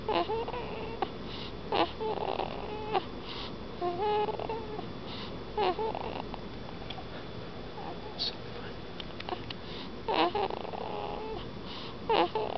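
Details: A newborn boy asleep in hospital on his first night makes irregular squeaky, snorty nasal breathing noises with quiet room sound between them; infant snoring.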